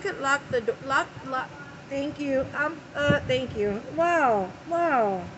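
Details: Person having an early-morning tic attack, before taking medication to help, with word repetitions ('lock lock') and repeated 'wow'; their tics can also contract the whole body; vocal tics.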